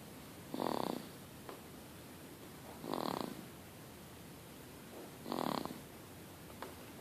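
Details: Sleeping baby snoring: three soft, rattly snores at regular intervals against a steady background hiss.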